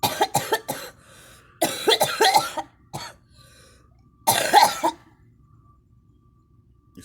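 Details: Three clusters of quick, rough coughs with pauses between them; a girl coughing while smoking.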